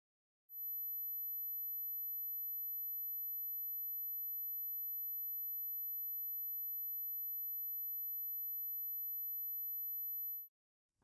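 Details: A steady, very high-pitched pure tone held about ten seconds, a 12000 Hz hearing test tone played in the left ear during a headphone frequency hearing test.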